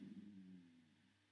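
A quiet, low, drawn-out growl that slowly fades over about a second: a stomach rumbling, a normal gut sound.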